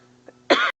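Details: A 9-month-old infant pretending to cough: a single short, voluntary imitation cough with a steady low hum behind it.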